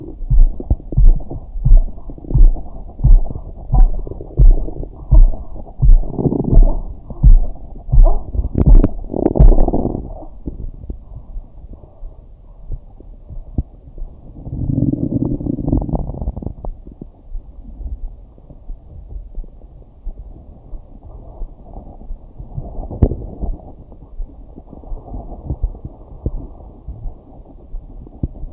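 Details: A woman's own stomach sounds (digestion or hunger), heard through headphones while under hypnosis: low gurgling bowel rumbles over a soft, steady thumping pulse.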